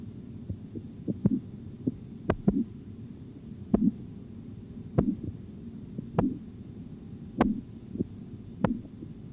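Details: Training exercise in auscultatory blood pressure measurement: Korotkoff sounds, sharp rhythmic tapping at about 50/min with low hum, heard as the cuff deflates.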